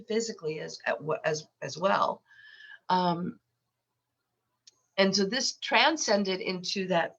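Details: Adult woman with lifelong stuttering, very repetitious with eye closures, worse when unwell and since COVID; she has a cold during recording; stuttering.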